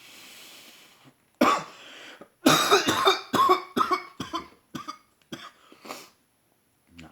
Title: Some good stuff (coughing).